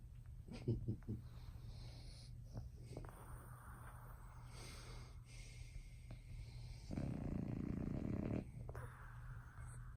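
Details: Loud snoring from a bulldog asleep in bed overnight: coarse, uneven snorting breaths with a loud rattling snore midway, over steady room hum.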